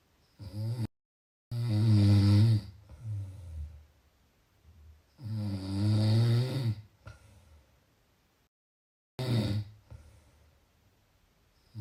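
Loud, low, rattling breaths in on a slow cycle, about 15 a minute, with quiet gaps between: snoring.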